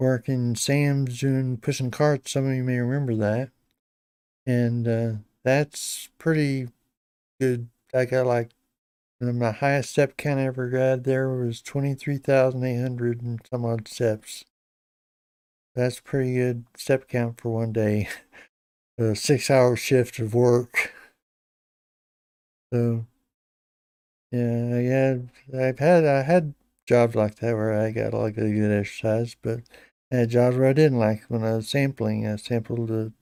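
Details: Adult man with Parkinson's disease for a little over 10 years, treated with deep brain stimulation since 2017, reporting his voice is less clear than in earlier years; hypokinetic dysarthria (Parkinson's disease speech).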